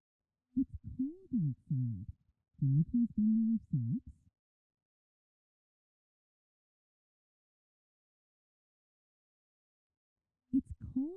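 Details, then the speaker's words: Simulated speech as heard by a child with severe conductive hearing loss, for demonstration only: muffled, faint speech with only low tones left and consonants lost. "the first sentence is an example of how speech may sound for a child with severe conductive hearing loss"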